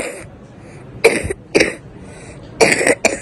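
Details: Several loose, wet coughs from a child in short groups; a moist, productive cough with phlegm collected in the chest and crackles noted, not a dry cough.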